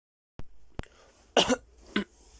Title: 15 minutes of silence occasionally broken up by frenzied coughing